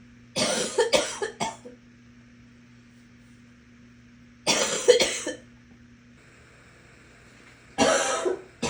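Three bouts of harsh coughing, the first with several coughs in quick succession, over a low steady hum; repeated coughing.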